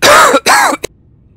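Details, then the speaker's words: Adult male asthmatic, who says even an ordinary cough brings on constant asthma, gives two loud, harsh, voiced cough bursts and a brief catch during game play; cough in asthma. "Das ist, wenn ich Husten habe. Ich bin Asthmatiker."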